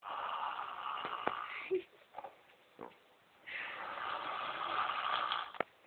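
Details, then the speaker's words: Person snoring in sleep: two long, harsh, rattling breaths separated by a quiet pause. "please stop snoring."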